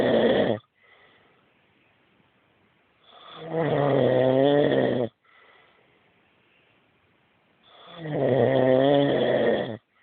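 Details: Husband snoring loudly every night: loud, rattling snores on each in-breath about every four to five seconds, with quiet out-breaths between; heavy habitual snoring.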